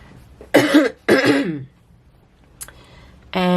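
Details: An adult with COVID, the third infection, whose voice is croaky, gives two harsh, partly voiced coughs in quick succession in a quiet room before speaking.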